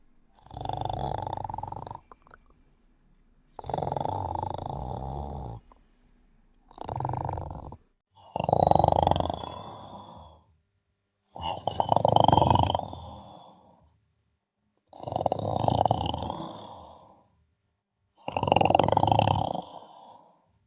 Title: Sleeping & Snoring Part 3